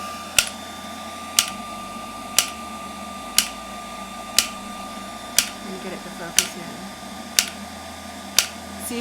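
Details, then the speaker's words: Extracorporeal shockwave therapy device (Shockwave Pro) on preset mode C for the wrist, counting each impact: sharp regular clicking about one per second with a faint steady hum; shock wave therapy device impacts. "it counts the pulse each time that it does it"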